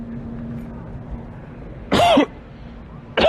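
A single short cough followed by the start of another, over steady street and traffic noise.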